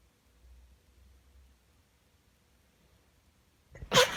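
Quiet room, then one sharp, explosive sneeze at the end, muffled slightly as into a tissue.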